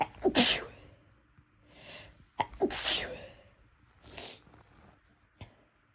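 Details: Self-induced sneezes after a day of more frequent sneezing than usual with no apparent reason: a few sharp, hissing sneezes, each preceded by a quick in-breath, with breathy sniffs between.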